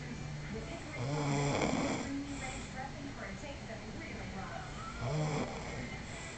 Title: Snoring Pranks